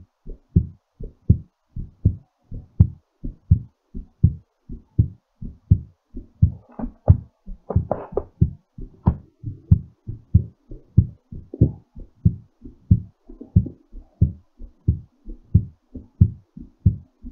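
Strong, fairly quick heartbeat around 90 a minute, with some uneven noise mid-clip; a normal heart recovering after exercise.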